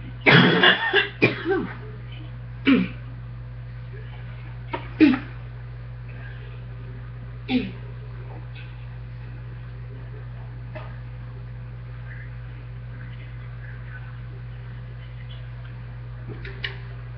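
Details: Deep, loose chesty cough in bursts, then several single coughs over a steady hum, from someone who has caught a chest cold again.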